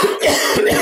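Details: An adult male podcast host's brief, harsh burst of a few quick coughs in under a second, close to a throat clear; he has coughed a lot all his life, and this cough was edited out of a movie-review podcast recording.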